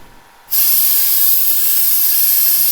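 A steady, loud hiss switches on abruptly and holds: a suction hose running on a dental simulator unit.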